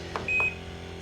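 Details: A single short electronic beep from a button press on an Inogen One G5 portable oxygen concentrator, over a steady machine hum.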